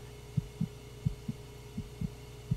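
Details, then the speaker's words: Rapid regular whooshing thumps at about 165 a minute over a low hum from a pregnancy ultrasound in a TV drama scene, the doctor saying the baby has no problems; normal fetal heartbeat, dramatized. "es de su corazón este bebé no tiene ningún problema no hay nada de qué preocuparse"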